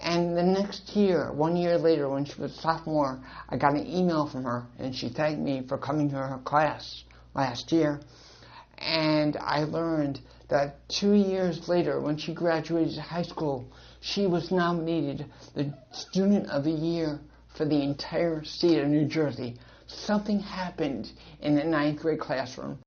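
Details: Dysarthric speech in an adult male with congenital cerebral palsy and associated hearing loss.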